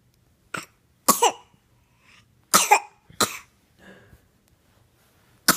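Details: Infant sitting and playing, giving about five short, sharp, irregularly spaced coughs with quiet between them; cough.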